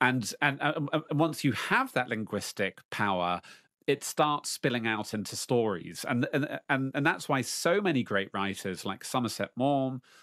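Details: Lifelong stuttering in an adult man who, at age 33, stopped hiding from it and began facing it in public; stuttering.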